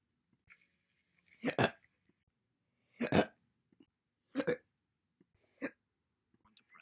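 Five sharp, abrupt hiccup sounds at irregular intervals in a quiet room.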